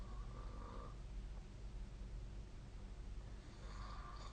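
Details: Snoring during sleep: low rumbling breath noise with faint steady background hum.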